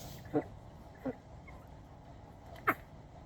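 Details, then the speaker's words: Three faint, short coughs from an 11-day-old Cane Corso puppy with congestion from canine infectious respiratory disease complex (CIRDC), on day six or seven of erythromycin antibiotics. "that's him they are all that's a little cough that they have"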